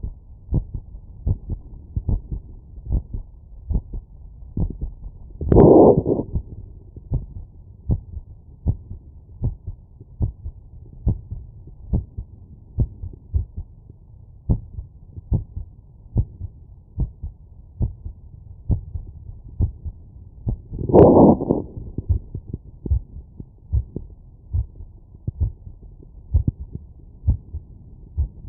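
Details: Heart sounds by stethoscope auscultation after exercise workload: quick, regular heartbeats about 100 a minute, with two brief rubbing noises.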